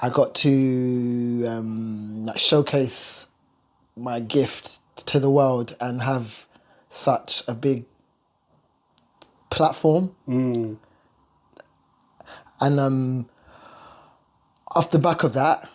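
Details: Stuttering (stammer) in an adult male singer who has lived with it throughout his life.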